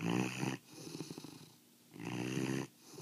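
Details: Big foster dog, a Mastiff, snoring: deep, rattling snore with two slow breaths, each with a coarse fluttering vibration and quiet pauses between.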